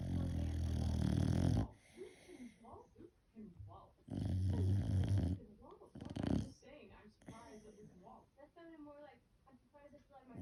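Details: Dandie Dinmont Terrier dog snoring while asleep: loud, deep rumbling snores alternating with softer snuffling and whistling breaths.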